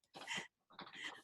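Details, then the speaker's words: Adult with a mild cold sneezing during a remote interview call: two quick breathy bursts over the call line, a sneeze followed by a second explosive sound. "Bless you. Excuse me. It's just a cold. It's just a little cold."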